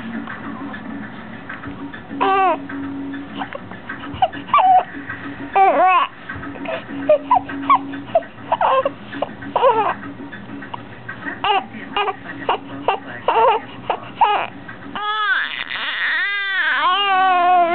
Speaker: there see how you cry to cry oh poor baby poor baby